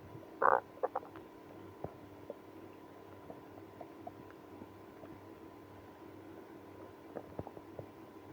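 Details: Gurgle and a scatter of faint pops and clicks over a steady hum after drinking milk and prune juice with irritable bowel syndrome; stomach growling (borborygmi).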